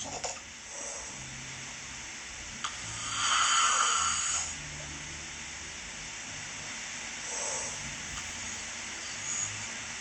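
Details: Heavy snoring with suspected obstructive sleep apnoea, recorded for analysis: one loud, rough, strained snore, then long quiet stretches with only faint breaths; partner describes sounds like being choked.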